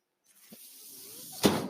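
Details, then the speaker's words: Mechanical ventilator sound from a podcaster's own ventilator, heard in the background while he speaks. "my name is that noise you're hearing my ventilator"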